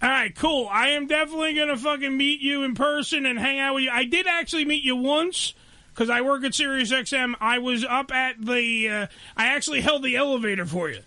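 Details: Adult man speaking; normal speech.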